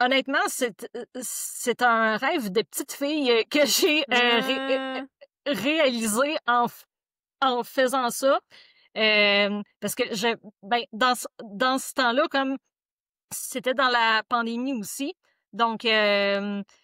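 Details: French-speaking woman who stutters; stuttering.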